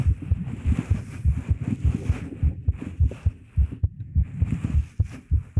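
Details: Heartbeat sound in an ASMR recording made with a 3Dio Pro binaural microphone: steady low thumping beats, about 100 a minute, with faint background rustle; normal heartbeat.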